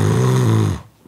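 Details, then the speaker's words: Stage 1 snoring from nasal congestion: a single soft, low, steady snore under a second, gentle with no breathing obstruction; mild snoring. "부드러우면서도 숨은 막히지 않는 이거는 가벼운 코리라 할 수 있고 할 방법도 비교적 간단합니다"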